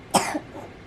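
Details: Single short, loose, wet cough from a young girl, coughing so much she couldn't sleep; productive cough.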